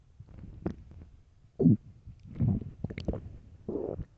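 Irregular low gurgling and rumbling bursts from the belly: stomach growling from hunger, a normal sound.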